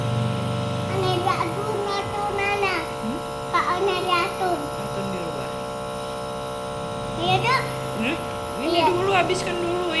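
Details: 2-year-old boy with a cough receiving nebulizer (steam) treatment: steady electric motor hum throughout as the child talks and fusses; nebulizer compressor running.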